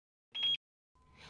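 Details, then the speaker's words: Home laser hair removal device firing while its button is held and a white light flashes: a short high-pitched electronic beep signalling the laser is working, then faint room noise. "lazerin çalıştığı anlamına gelen bir seri bir sesi duyacaksınız"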